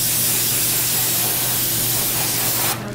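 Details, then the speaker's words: Steady loud hiss of compressed air for about three seconds, then cut off: a dental air syringe drying teeth from a distance to avoid subgingival air and air embolus, during a COHAT in an anesthetized patient. "what we're going to do is dry the teeth okay it's important to not go too close because you can actually direct air into the sub gingival space"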